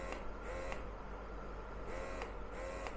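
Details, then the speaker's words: Wearable electric breast pump, reviewed after 8 months of use, running in stimulation mode (its first mode): quiet, quick, regular mechanical whirring pulses with soft clicks. "അപ്പോ ഇത് വന്നിട്ട് stimulation mode stimulation mode എന്ന് പറഞ്ഞാൽ എന്താണെന്ന് ഞാൻ പറയാം"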